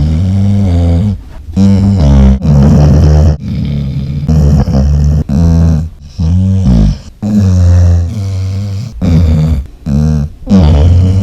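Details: A dog snores rather loudly, sometimes loud enough to shake the house.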